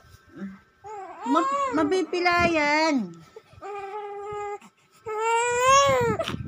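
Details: Young child crying: loud, tonal wailing cries in a small room, with breaks for breath between bursts.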